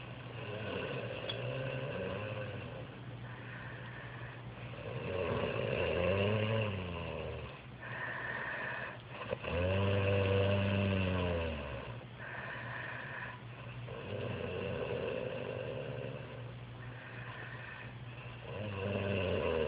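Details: Man who claims he never snores: deep, rumbling, vibrating snores on each breath, about 14 breaths a minute, some with a tonal, droning quality.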